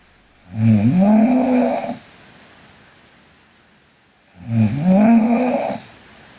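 Two loud, rattling, vibrating snores on breathing in, with quiet breathing between them; snoring during sleep.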